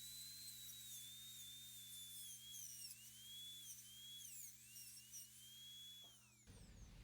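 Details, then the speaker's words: Steady high-pitched whine of a high-speed dental drill dipping as it cuts: 11/16.1 diamond bur, 1 mm diameter, occlusal reduction at the mesiobuccal occlusal plane, full metal crown preparation of upper molar #15. "We will start with the mesial buccal occlusal plane. Using the burr as a guide, the 11/16.1 diamond burr with a 1 millimeter diameter."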